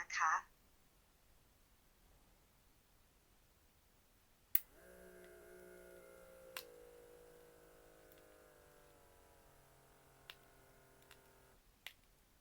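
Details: An Allwell Thai-speaking automatic upper-arm blood pressure monitor, cuff about 3 inches above the elbow crease with the arm on a table: button click, cuff pump hum, then clicks; the reading was 107/69 mmHg, pulse 77, normal.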